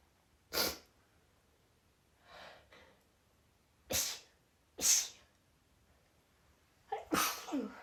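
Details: Female with an out-of-the-blue sneezing fit, recorded after about five sneezes had already occurred: sharp, hissy sneeze bursts in quick succession with a soft breath between, a sneezing fit.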